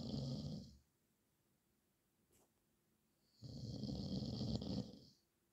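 Two loud, harsh snores separated by a quiet pause of about two and a half seconds.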